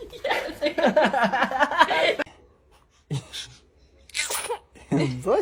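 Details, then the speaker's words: Several short, sharp sneezes in a row from a baby boy, four or more in succession, amid adults laughing and saying bless you. "sneezed."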